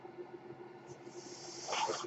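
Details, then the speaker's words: Steady low machine hum with faint hiss, then a rising rush of air: one breath delivered by the speaker's own mechanical ventilator, heard during his podcast narration. "that noise you're hearing is my ventilator."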